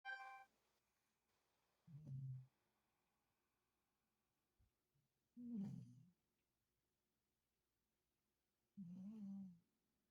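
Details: Light snoring: soft, low, buzzing snores a few seconds apart in a quiet room, about four in ten seconds.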